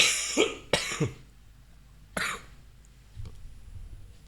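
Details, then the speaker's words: Adult coughing for the first time in decades: three sharp, dry-sounding cough bursts close together, then quiet room noise. "Hai pada akhirnya gue kena batuk untuk yang pertama kalinya dari berpuluh-puluh tahun yang lalu"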